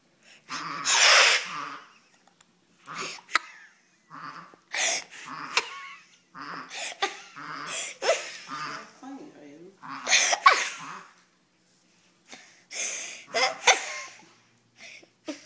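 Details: An animal gives a series of short, sharp, hissing nasal bursts with pauses between them, repeated funny sneezes; sneeze.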